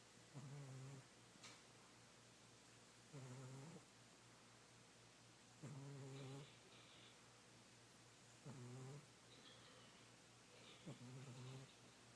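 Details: Old, fat male cat sleeping soundly and dreaming, snoring softly and regularly, about five snores in twelve seconds, each a low rattling buzz on the in-breath.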